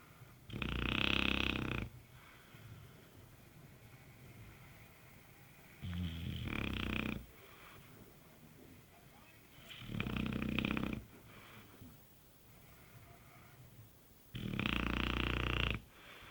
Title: my dog snoring